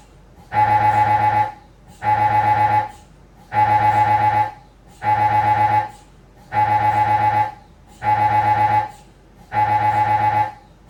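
Loud buzzing tones repeating in regular bursts of about a second, separated by short pauses: MRI scanner gradient noise during a scan sequence.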